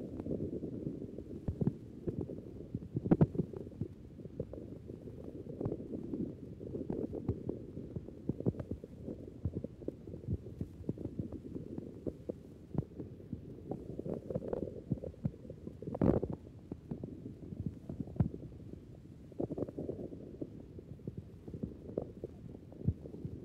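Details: Normal hungry adult man who has just smoked a cigarette before dinner: stethoscope recording from the belly wall, frequent low gurgles and clicks of very active intestinal contraction and movement; hyperactive but normal bowel sounds.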